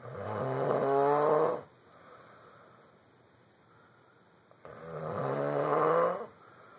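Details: Two loud, drawn-out rattling snores about three seconds apart, separated by quiet breathing pauses; snoring.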